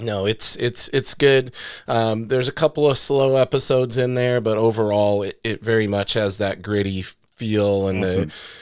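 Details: Adult man speaking; normal conversational speech.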